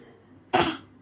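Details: Habit cough: a single short, dry cough from a child, produced on request. It is said to occur morning and evening and less during sleep.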